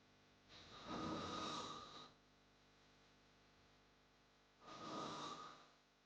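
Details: Snoring sound-effect recording: two loud, rough, rattling inhaled snores separated by quiet pauses; heavy snoring.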